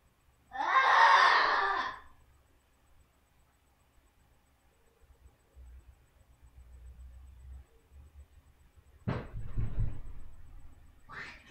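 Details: Cinnamon challenge: after swallowing a spoonful of dry cinnamon powder, a strained, voiced gasping cry, then a pause and two forceful cough bursts. Throat pain and trouble breathing follow.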